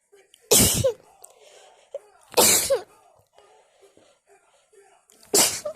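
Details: Wet, messy sneeze attack: three loud wet sneezes in quick succession with short pauses and quiet breathing between; a bout of repeated sneezing.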